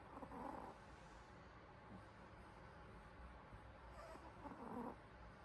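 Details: Sleeping Pomeranian dog snoring: two soft, rattling snores about four seconds apart over steady low background noise.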